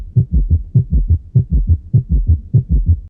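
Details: Fast, low-pitched triple-rhythm heart sounds at about 100 per minute with a loud extra diastolic sound: summation gallop, S3 and S4 fused during tachycardia, louder than S1 and S2, indicating severe cardiocirculatory failure.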